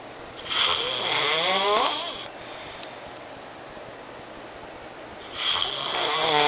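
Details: Friend asleep, filmed: loud, rattling snores on each breath in, roughly five seconds apart; heavy snoring during sleep.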